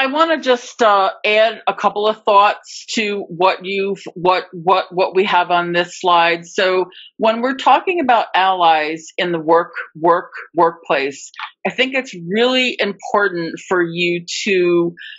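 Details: Adult woman who stutters, real speech, formerly a covert stutterer for more than 30-35 years; repetitions of words and part-words; stuttering.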